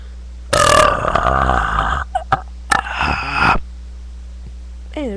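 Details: A kid, tired and with an upset stomach, burps deliberately: one long, loud burp, then a second shorter one, over steady room hum.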